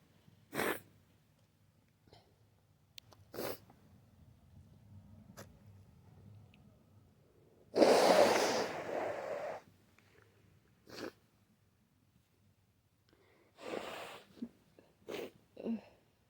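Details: Several sharp, wet, explosive sneeze bursts with sniffling between them, described as messy flu sneezes; sneezing.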